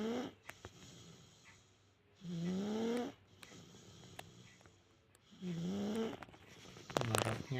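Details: Loud, buzzy snores about every three seconds with quieter breathing and faint music between, from a sleeping baby snoring loudly; snoring.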